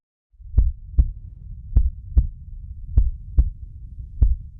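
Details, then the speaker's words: Paired low thumps over a steady hum, about 50 pairs a minute, a fetal heartbeat replayed through a monitor in a fictional drama scene, where the pregnancy is declared normal. "Suara apa itu? Ini suara detak jantung baye."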